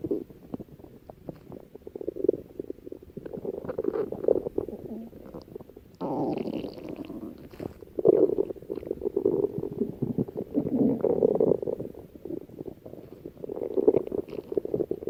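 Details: Stomach growling: long, low gurgling and rumbling from the abdomen, rising and falling in waves; ordinary bowel sounds (borborygmi).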